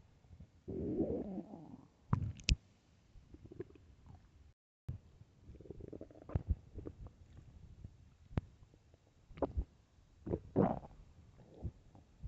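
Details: Loud hunger stomach growls: gurgling and rumbling abdominal noises with popping squelches; borborygmi.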